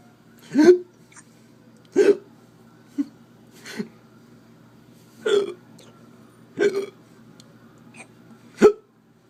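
Seven abrupt, short voiced gulps at slightly irregular spacing, about 43 a minute: hiccups.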